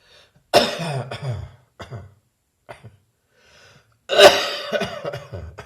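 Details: Two bouts of harsh, non-rattling coughs separated by quiet breathing; a much drier cough as the person's bronchitis gradually clears.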